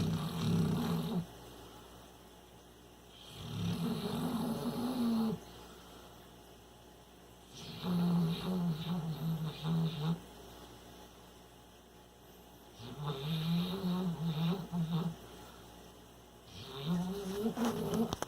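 Regular, rough, rumbling snores every five seconds or so, about 12 a minute, from a sleeping animal.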